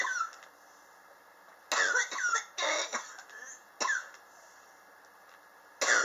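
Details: Chronic cough present since summer 2016, recorded July 2018; the patient believes it is triggered by extreme temperature changes in their apartment. Several harsh, rasping cough bursts with pauses and some throat clearing.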